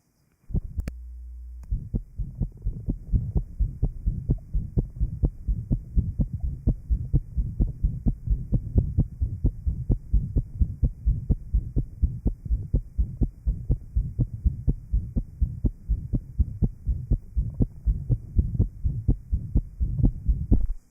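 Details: Heart sounds recorded in 1955 from a patient with interventricular septal defect after surgical plication of the pulmonary artery: rapid, regular heart sounds with a low rumbling murmur filling the gaps.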